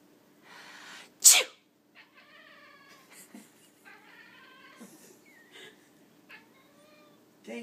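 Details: One loud, sharp human sneeze, then a cat's meows and quiet talk in a quiet room; the cat seems to react to the sneeze.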